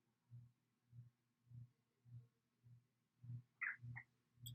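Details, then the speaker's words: Soft, regular low thumps about 100 a minute through the stethoscope bell with lighter touch, handling rustle at end, during a student nurse's cardiovascular assessment; judged normal. Normal heart sounds. "okay good so everything sounded normal"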